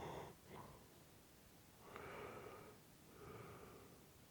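Slow, heavy breaths with a rough, snorting flutter on each breath, three cycles in about four seconds: snoring.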